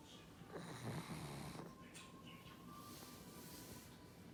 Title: Snoring Pug 2